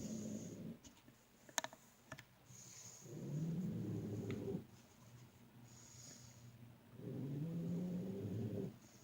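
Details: Dog snoring very loudly late at night while asleep: low rumbling snores on each breath in, about one every three seconds, with a quieter rasp on each breath out.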